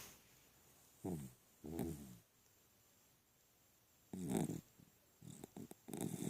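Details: A sleeping dog lying on his back with his head on his owner's inner elbow gives short, rough, irregular snorting snores with pauses between breaths in a quiet room.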